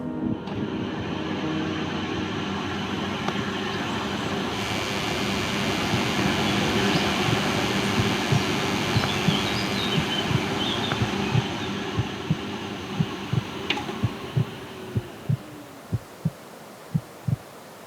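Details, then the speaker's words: Normal heartbeat heard by a young autistic person with heightened sound sensitivity, under the noise of an air purifier, outside noise and a Wi-Fi router: steady household hum with regular low heart thumps. "At the moment, it might sound quiet to you... ..but as well as the air purifier, I can hear the noise outside... ..the electric Wi-Fi router and the sound of my heart beating."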